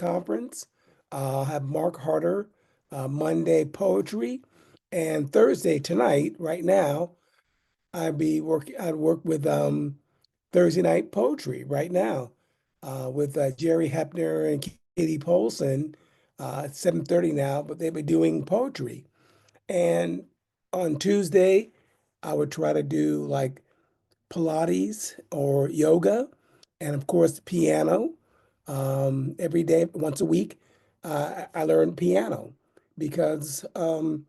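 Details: Adult man with aphasia due to a stroke in 2016, almost nine years earlier.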